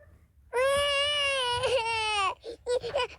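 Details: Cartoon character crying in a Peppa Pig hiccups episode: a long, steady wailing cry followed by short sobbing bursts.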